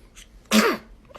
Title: Ranking Baby’s Cute Sneeze🥺👶 [PT 2]#shorts